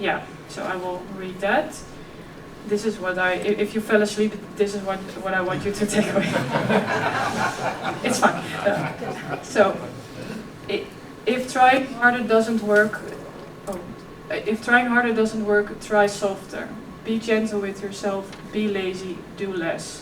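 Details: Adult woman who has stuttered since early childhood, covert stuttering at ages 11-15, now letting her stutter show and reducing secondary behaviours; talk covers her personal journey with stuttering and OCD; stuttering.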